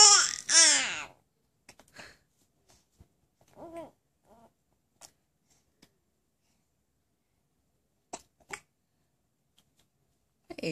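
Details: An infant with hiccups: brief babbling, then soft, short, repeated catches at irregular intervals in a quiet room. Hiccups.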